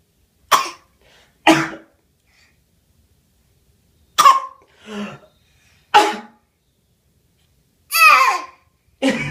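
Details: Baby's voluntary fake cough: several short, deliberate coughs with quiet pauses, ending in a squealy vocal sound.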